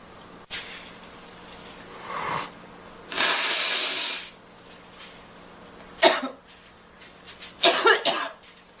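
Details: Girl in a coughing fit: several harsh coughs and throat clearing with a long hissing breath between them; she describes it as brutal and needs to blow her nose.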